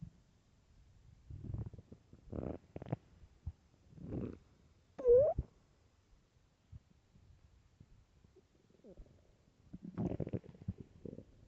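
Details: Irregular low gurgling rumbles and squeaky tonal growls in bursts: extremely loud stomach growling on an empty stomach.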